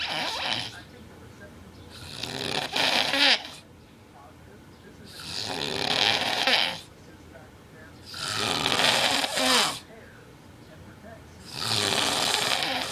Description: My boyfriend snores really bad.